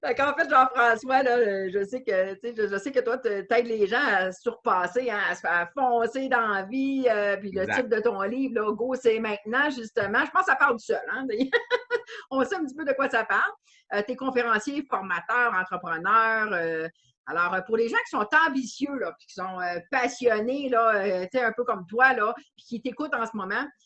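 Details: Adult woman speaking Quebec French; normal speech.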